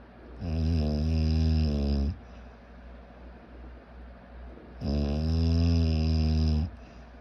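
Two long, low, rattling snores on in-breaths, each about two seconds, separated by quiet breathing: snoring.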